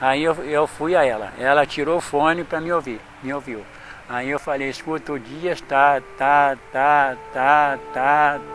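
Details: Adult male who stutters, speaking in an interview; stuttering with sound repetitions.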